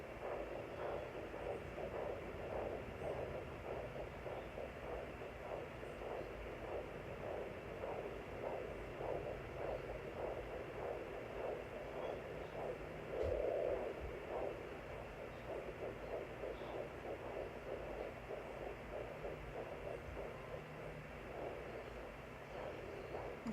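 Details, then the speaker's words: Pocket fetal Doppler used at home by the mother at nine weeks of pregnancy, probe angled sideways, picking up rapid, regular whooshing fetal heartbeat pulses of about 180 per minute; the rate display was recording the mother's own high heartbeat. "even though you can hear clearly his heartbeat it's still recording mine"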